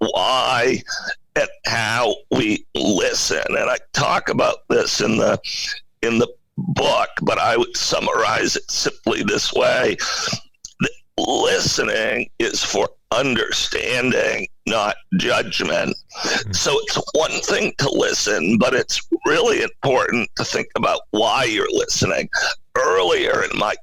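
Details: Adult male CEO with spasmodic dysphonia, a very rare neurological voice disorder affecting only speech, of no known cause and with no known cure; acquired in 2010, voice suddenly became hard to use. Finding: spasmodic dysphonia.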